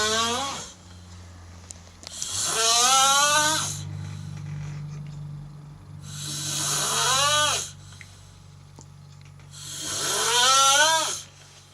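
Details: A sleeping cat snoring; loud, high-pitched whistling snores with a rising-falling tone, about four breaths over twelve seconds, with a steady low hum behind.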